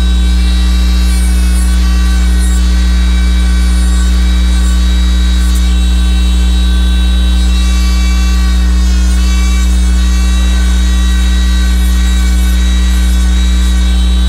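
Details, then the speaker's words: Bur held parallel to the axial contour, trimming external excess from an alginate-technique temporary crown: loud, steady motor drone with a high whine. "Para que esse procedimento seja executado, nós vamos trabalhar com a broca paralelo ao contorno axial da coroa do dente."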